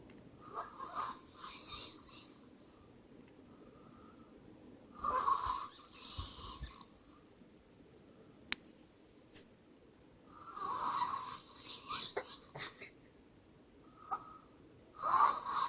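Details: Snoring during sleep: quiet rhythmic snoring, about four breaths in sixteen seconds, each with a soft whistling tone, in a quiet small room.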